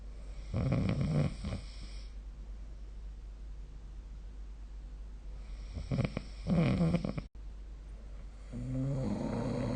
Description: This is the sound of snoring recorded using SnoreLab : Record Your Snoring https://apps.apple.com/jp/app/id529443604